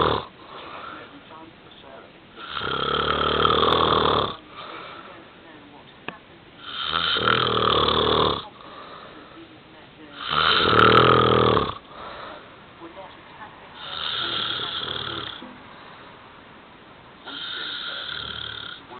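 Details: Husband snoring loudly while asleep: loud, rough snores on each breath, about eighteen a minute, with quieter breathing between them.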